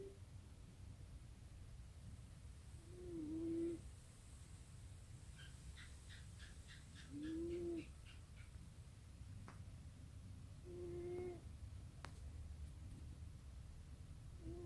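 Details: Cat snoring: soft, faint whistling snores recurring about every four seconds over background hum, first taken for a mechanical sound.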